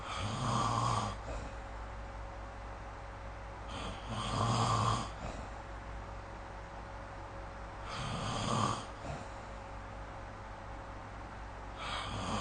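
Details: Snoring recorded with the SnoreLab app: loud, rough snores on each in-breath, about 16 a minute, with quiet pauses between and a steady low room hum.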